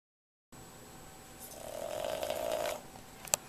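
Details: Snoring so loud it can be heard on another floor of the house: one rising, rattling snore on a breath lasting about a second, ending with a faint click.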